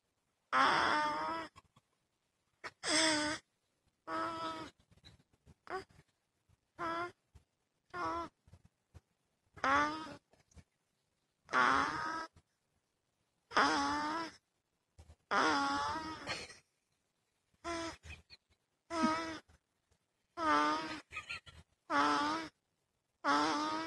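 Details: A 3-week-old granddaughter snoring: rhythmic, voiced grunts and moaning snores with each breath in a quiet room.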